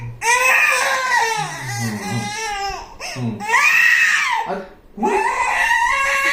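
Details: An infant cries in strong, drawn-out wails with short breaks for breath while an adult voice is faintly heard; infant crying.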